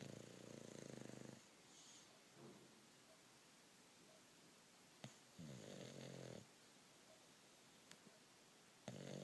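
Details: Rattling, buzzy snores on two long breaths with quiet pauses between, from a bulldog sleeping soundly; ordinary dog snoring.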